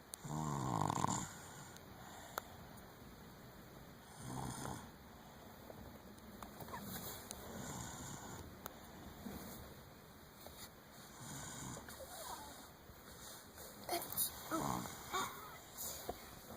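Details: Several loud, rough snoring bursts a few seconds apart, with quieter breathing noise between them in a small room; ordinary snoring.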